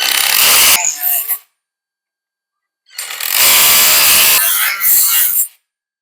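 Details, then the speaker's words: Two loud, harsh buzzing saw runs separated by a second of silence as a powered bone saw makes the chamfer and posterior femoral cuts during a revision hinged knee replacement; surgical bone saw. "Now we are going to take the chamfer one. So we need to protect the posterior part, protect this, and then you take the posterior"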